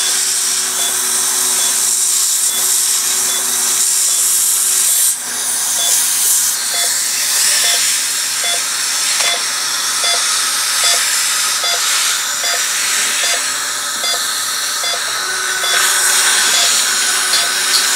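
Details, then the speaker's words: High-pitched whining drill with rapid cutting pulses as a 3.4 mm final drill widens a guided osteotomy for lower-jaw dental implants, after 2, 2.2 and 3 mm drills; dental implant drilling. "As you can see, once we get the initial hole drilled, everything goes very efficiently. And we're now on our final drill guide hole. And our final hole is a 3.4 millimeter drill."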